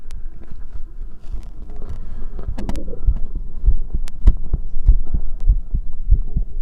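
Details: Steady, regular low thumps of an adult heartbeat at about 100 beats per minute with visible chest pulsation and faint room noise; normal heartbeat.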